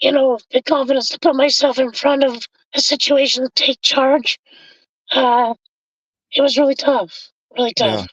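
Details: Adult male with high-pitched voice from vocal fold paralysis caused by a four-wheeler accident at age 25 that split his trachea and tore his oesophagus; tracheostomy removed after two months, scope still shows paralysed cords; over 25 years since onset.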